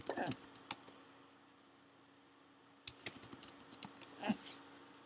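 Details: Ongoing hiccups, not gone when recording stopped: abrupt short catches of breath with small gulping clicks at uneven intervals.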